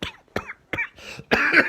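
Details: Fit 49-year-old man at peak COVID-19 infection, around day 5 with returning fever, unable to breathe or cough properly and terrified; short run of about four dry, weak coughs with a breathy inhale; cough in COVID-19.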